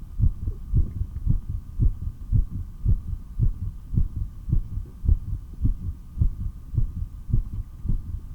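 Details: Strong, regular normal heart sounds through a stethoscope at about 107 beats a minute, with a steady background hum, recorded during breath-hold practice: a 3-minute breath-hold then only 15 breaths in 17.5 minutes.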